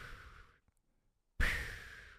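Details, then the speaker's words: A woman imitates her husband's sleep sound, which she believes is sleep apnea: a breathy outflow, a brief silent pause, then an abrupt loud snorting intake. "it drives me freaking crazy I know it's sleep apnea"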